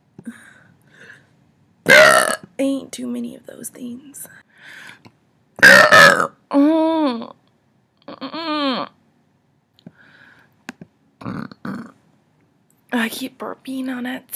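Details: Several loud, drawn-out voluntary burps, with short vocal sounds and brief speech between them; burping.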